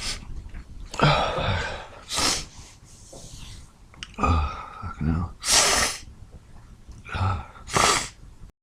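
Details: Hungover person's sneezing fit: run of sneezes with gasping wind-ups, some bursts cut short or held back, ending in stuck, incomplete sneezes.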